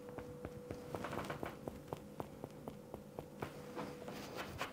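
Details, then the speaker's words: Simulated stony dull percussion note, self-percussed over the thigh for practice: a quick run of short, flat finger taps with no ringing over a faint steady hum. "okay now if you want to hear like Stony dullness or stuff that you would hear when you're for"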